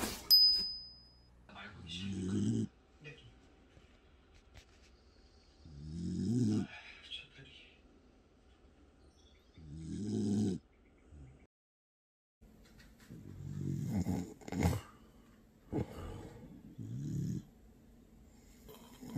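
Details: Bedlington Terrier dog snoring in sleep, unusually heavy: low, rough snorting snores about every four seconds, roughly 15 a minute, in a quiet room.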